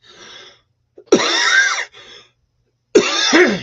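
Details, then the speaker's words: Two harsh coughs with throat clearing between them, in a quiet small room; coughing said to be caused by pollen. "See, you can hear this coughing from this pollen."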